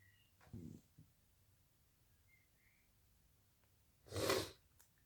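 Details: Sneezing induced using a CD (part 2): a short intake of breath, then one sharp, hissing burst in a quiet room; a single sneeze.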